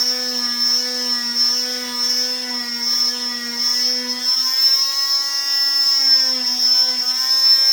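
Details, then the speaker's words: Oscillating cast saw cutting the second side of a below-knee cast to bivalve it through all layers: steady high-pitched motor whine with slight wavering. "So that releases that. We just want to make sure we cut through all the layers in both spots."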